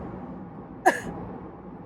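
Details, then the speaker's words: A single short, sharp cough from an adult woman still coughing while recovering from being sick, with faint room noise before and after. "still coughing as you can hear, but I need to It's about gauging where you're at."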